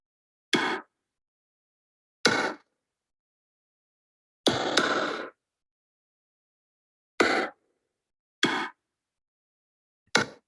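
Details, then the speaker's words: Amplified recording from a patient's glaucoma filtering bleb, which the patient felt as hammering in the eye every second until it was fixed with sutures: six separate short thudding bursts spaced about one to two seconds apart; bleb pulsation. "He created a studio for the eye, a special studio for the eye, and we started recording sounds coming from the eye and amplifying the sound. So, here, for very first time, probably for you, here's the sound of a bleb."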